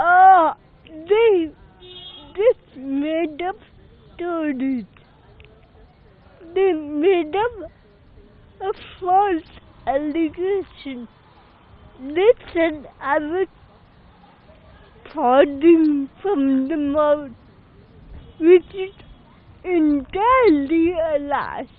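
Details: Adult woman speaking; Dysarthria (cerebral palsy).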